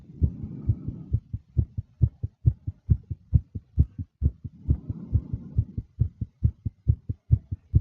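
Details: Fast, nervous heartbeat from a female: rapid, regular lub-dub at roughly 140 beats per minute with soft breathing sounds in places. Tachycardia.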